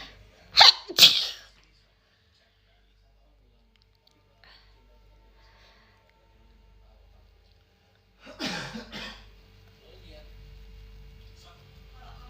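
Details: A Malaysian girl gives two quick, forceful, hissing sneezes in a row, then a softer sneeze-like burst several seconds later: sneezing.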